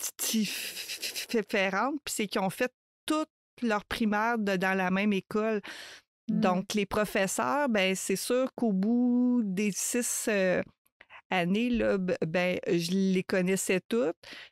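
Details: Adult woman who stutters, a mother of two adolescents, with word and phrase repetitions; stuttering.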